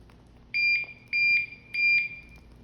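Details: Curlin 6000 infusion pump: three loud, evenly spaced high-pitched beep bursts after spiking the medication bag, an alarm calling for a button press to resume.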